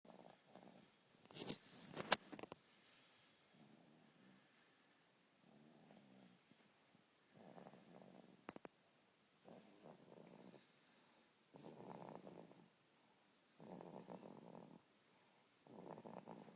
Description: Captured baby snoring